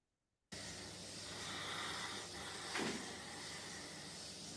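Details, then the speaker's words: Boy with exertional stridor, intubated at age 2 (possibly for dengue fever), treated as asthma for about 12 years; harsh hissing noisy breathing with faint high whistle in both phases; biphasic stridor from thin subglottic stenosis found on scopy. "can see the biphasic stridor. Sometimes you can hear the noise with the naked ear, or you can auscultate. You will be able to pick up the biphasic wheeze."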